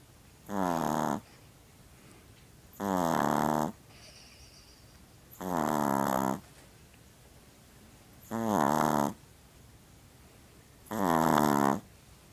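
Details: Pomeranian dog snoring: regular, loud, buzzing snores about every two and a half seconds, roughly 23 a minute, with quiet gaps between.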